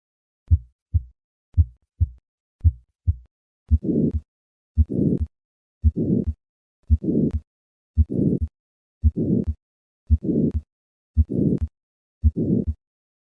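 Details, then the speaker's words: Hypertrophic cardiomyopathy: crisp heart sounds, then a harsh systolic murmur from left ventricular outflow obstruction, about 56 beats a minute, often loudest at the fourth left intercostal space, radiating widely across the precordium. "The murmur of hypertrophic cardiomyopathy responds predictably to changes in afterload."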